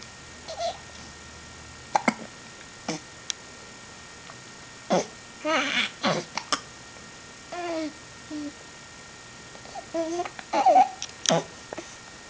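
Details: Person with hiccups: brief, sharp, irregular voiced catches recurring throughout, with faint vocal sounds between them.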